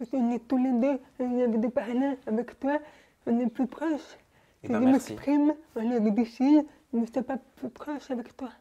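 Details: Young woman born deaf, using hearing aids since birth, speaking French orally while lip-reading; finding: deaf speech.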